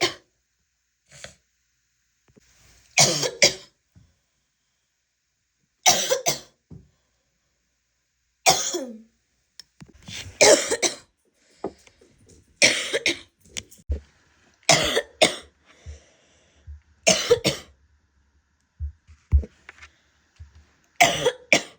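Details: An adult woman gives repeated harsh, barking coughs, about eight bouts separated by quiet pauses.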